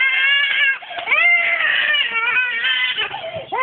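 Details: A baby crying in sustained, high-pitched wails with brief pauses for breath between bursts; recorded December 2008.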